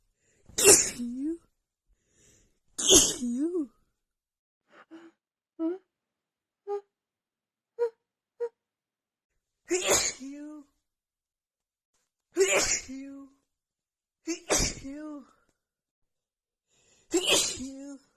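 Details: Series of forceful sneezes, each with a sharp breath and short voiced tail, with quieter stifled catches between: a female's rapid nonstop sneezing fit after holding back and stifling sneezes.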